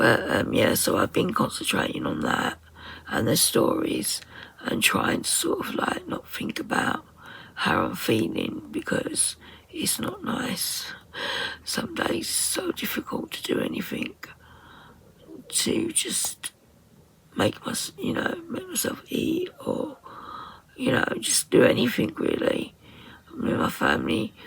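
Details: Woman with voice dysphonia, very tight, stressed muscles around the vocal cords, also affecting swallowing, attending speech therapy; voice at times distorted or lost; muscle tension dysphonia.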